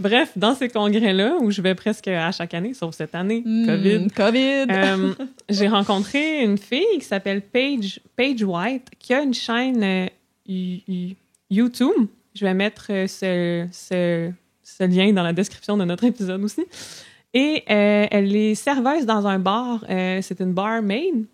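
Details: Adult woman who stutters; stuttering.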